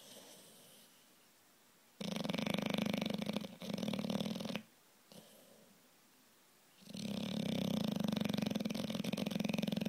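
Loud, rough, rattling snores from a sleeping bulldog, with long breathing phases separated by quiet pauses.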